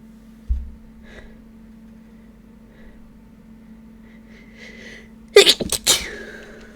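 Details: Person who suspects a ragweed allergy, after sniffing a ragweed stalk partly covered with chhinkni, with a runny, itchy nose: a loud burst of two or three sneezes close together over a quiet room's steady hum.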